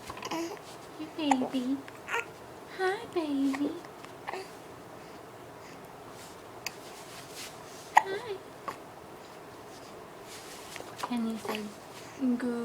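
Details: Hiccups in a smiling baby girl: she coos and babbles, broken by brief sharp catches at intervals.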